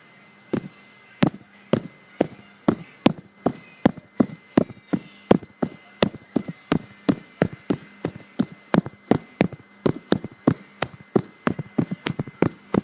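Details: Phone voice memo recorded close-up of own heartbeat when really tired: rapid, regular thumping at roughly 155 to 160 beats a minute, a fast heartbeat (tachycardia).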